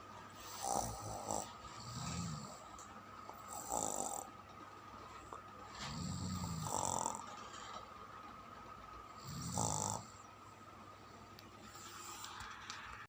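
Soft low snores alternating with hissing out-breaths, about one cycle every three seconds, over steady room hum; snoring in sleep.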